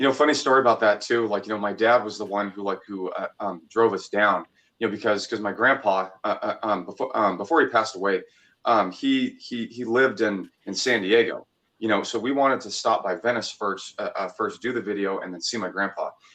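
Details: Man, 26, stuttered a lot as a child, had speech therapy, and still stutters from time to time; stuttering.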